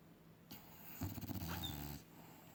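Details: Dog asleep: a single low, fluttering snore lasting about a second: snoring.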